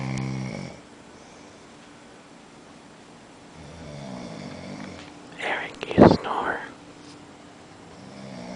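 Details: A man asleep in a shared room, who doesn't believe he snores, gives a low buzzing snore, then a quieter breath and a brief loud bump, over steady room hum.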